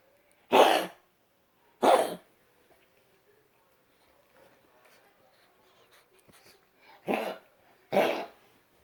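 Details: Four short, harsh, forceful coughs from a dog, heard as two pairs separated by a few quiet seconds: dog cough.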